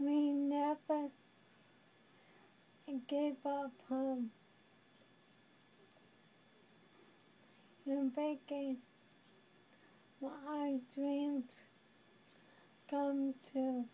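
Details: Young woman living with ALS (amyotrophic lateral sclerosis, Lou Gehrig's disease), who describes becoming a prisoner in her own body. Dysarthria in ALS.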